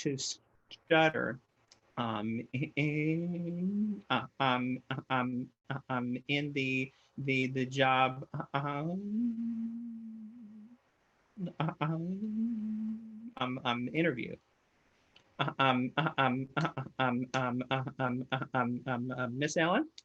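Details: Real stuttering in an adult man who stutters, heard while presenting a webinar on career barriers for people who stutter; stuttering.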